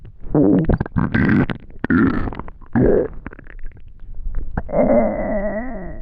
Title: Extremely Hungry Stomach Growling